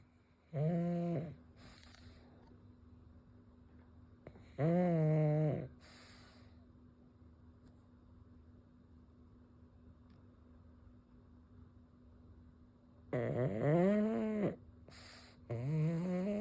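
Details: A pug snores loudly in a chainsaw-like way: rattling, buzzy snores, each followed by a short noisy breath out, with quiet pauses between.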